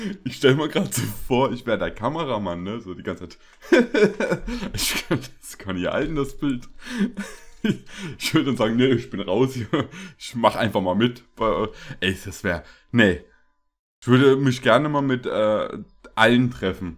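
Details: Adult male speaker; Normal conversational speech.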